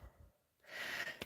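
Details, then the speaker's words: Adult with a really bad cold, talking: a single noisy breath in with a faint high whistling tone; mild wheezing. "Sorry if you can hear me wheezing. I've got a really bad cold."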